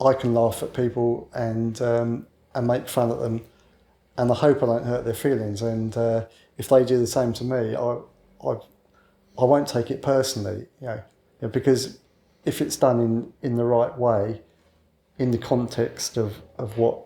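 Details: Adult man who has stammered since childhood, calls it a minor speech problem and habitually covers it up; stammering (stuttering).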